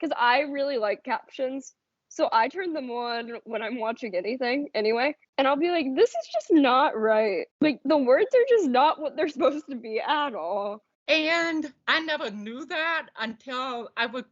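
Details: Adult woman speaking; typical speech.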